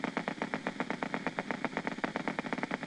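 Steady, evenly spaced crisp pops at about eight per second: normal motor unit potentials during light muscle contraction.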